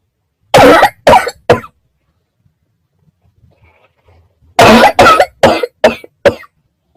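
Two bursts of harsh, loud coughing, three coughs then five, separated by a quiet pause; repeated dry coughing.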